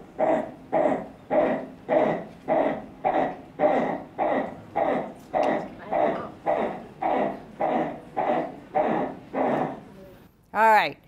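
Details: Child with noisy breathing: inspiratory stridor with tachypnoea.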